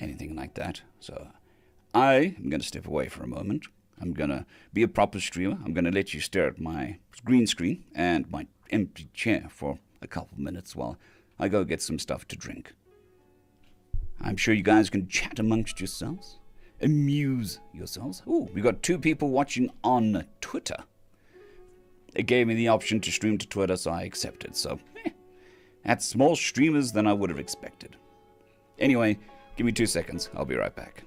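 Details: Adult male recovering from vocal cord surgery, with the cords mostly healed but having lost strength and stamina, and physiotherapy currently pushing the voice; dysphonia after vocal cord surgery.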